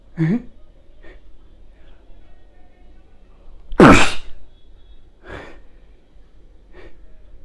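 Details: Acted sneeze in a comedy sketch showing types of sneezes: one loud, explosive sneeze with a sharp intake before it, among softer sounds and faint background music.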